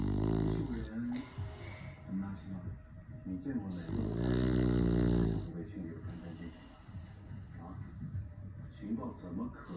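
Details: Snoring at about 100 dB with smacking mouth movements as if eating: loud, rough, rattling breaths repeating quickly, smacking noises between them.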